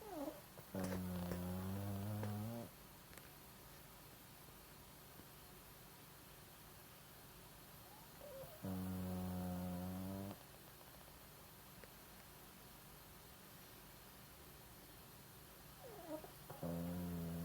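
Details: Long, humming, buzzy snores with a steady tone, each about two seconds long and about seven seconds apart, from a sleeping animal; snoring.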